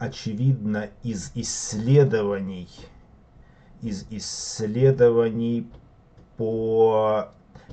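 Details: Adult man who stutters, reading aloud unprepared from a sheet; stuttering.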